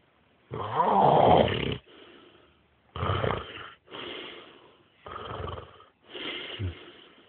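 Loud rattling snores on the in-breath, each followed by a softer out-breath, about four breath cycles in seven seconds; ordinary snoring.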